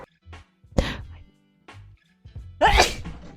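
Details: A single sharp forceful sneeze with a brief intake before it, among soft breathing noises, from a blonde.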